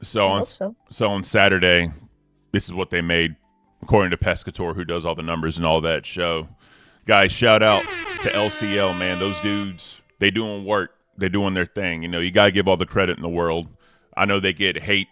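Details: Adult male speaker; normal speech.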